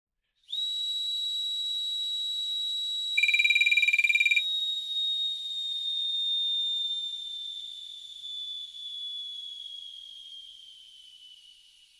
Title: Oxygen Mask Bottle Low Oxygen Alarm 02